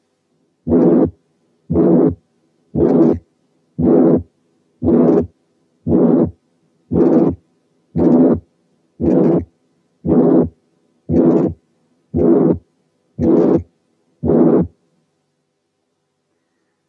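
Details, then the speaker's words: Ventricular septal defect: harsh pansystolic murmur filling each systole, regular about 58/min, harsher than tricuspid incompetence and often with a systolic thrill. "تاني ديفرنشال دياجنوزيس هو الفنتريكولار سيبتال ديفكت، ده بيدي بانسيستوليك مامر بالشكل الآتي."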